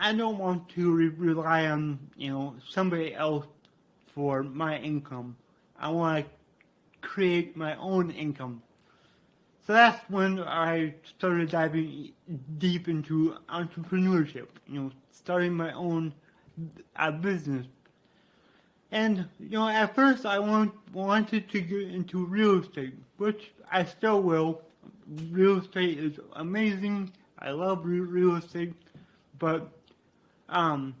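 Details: Adult man with dysarthria due to cerebral palsy, which he attributes to brain damage after being born without heartbeat or breathing and being revived.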